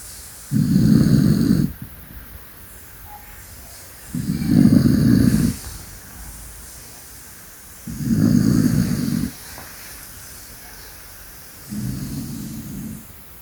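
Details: Senior dog snoring very loudly while asleep, with regular low rumbling snores about every 3.7 seconds (roughly 16 a minute) over faint room noise.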